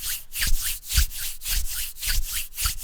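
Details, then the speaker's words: Simulated pericardial friction rub made by rubbing hands together during a lecture on pericarditis, normally auscultated at the heart base or Erb's point: rhythmic scratchy rubbing strokes imitating a pericardial friction rub. "if you can hear that I'm rubbing my hands together it really sounds like that"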